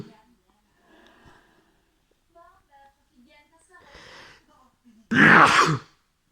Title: I sneeze as I watch The Big Bang Theory